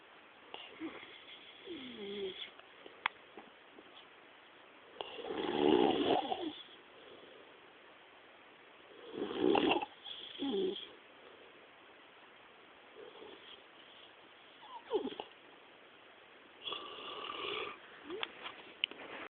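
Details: Man found asleep in a bed, snoring: loud, rough snoring breaths about every four seconds, roughly 14 a minute, in a quiet room; ordinary snoring.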